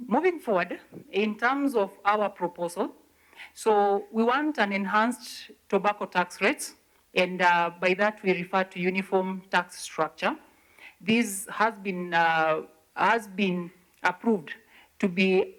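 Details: Adult woman speaking; ordinary speech.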